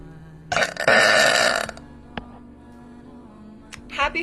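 One long, loud belch lasting about a second, then a short laugh, over faint background music.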